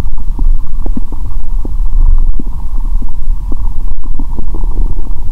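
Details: Steady low rumbling with frequent short gurgles and bubbly pops through a stethoscope on the abdomen after eating Mentos and drinking cola following a 15-hour fast: active bowel sounds.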